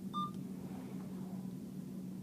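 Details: A short electronic beep over a low steady room hum as start is pressed on an Alaris IV infusion pump, set to run maintenance IV fluids at 125 per the doctor's order.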